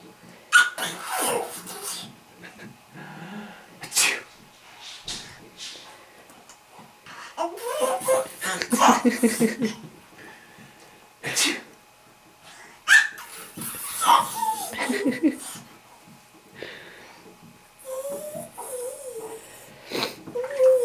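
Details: About three sudden, sharp sneezes among soft baby noises and adult talk.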